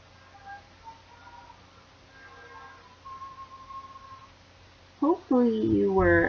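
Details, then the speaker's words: Simulation of conductive hearing loss: classical music played faint, muffled and softer, as if wearing ear muffs, in contrast to normal hearing. "The first was very clear and crisp sounding and the second demonstration sounded muffled and softer, kind of like you were wearing ear muffs."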